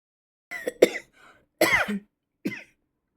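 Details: Several short, harsh, dry-sounding cough and throat-clearing bursts with brief pauses, from a speaker apologising for a cough that came on suddenly.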